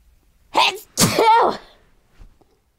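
A quick breath in followed by one loud, explosive sneeze, then a faint sound afterward.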